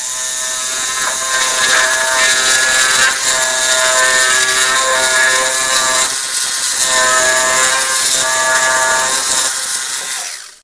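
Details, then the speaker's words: Demonstration of a reciprocating surgical saw used for rhinoplasty: a loud, steady, high-pitched buzz grinding through bone for about ten seconds as a cut is made. "ещё раз сделаю распил может кого-то не впечатлила эта"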